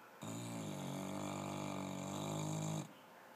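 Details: Dog snuggling and resting: one long, steady, buzzing snore of about two and a half seconds. Snoring.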